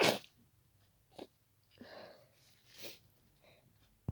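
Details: A person sneezes several times in quick succession with breathy snorts between, after an hour of an itchy nose that worsened until it became stuffy and the sneezes came rapidly: a sneezing fit.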